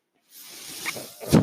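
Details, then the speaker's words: Speaker's own mechanical ventilator heard while he talks: after brief silence a soft, steady airy hiss builds and ends in a louder puff of air as it delivers a breath. "My name is. That noise you're hearing is my ventilator."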